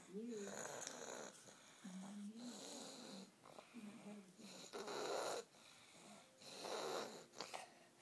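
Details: Snoring while sick with a clogged nose, headache and slight temperature, later admitted to hospital that week: soft, uneven snoring breaths with whistling, squeaky tones through a blocked nose, about four breaths in eight seconds.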